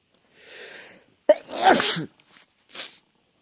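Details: A single sudden, forceful, voiced sneeze after a breathy inhale, followed by soft breaths, during dusty sneezing fits.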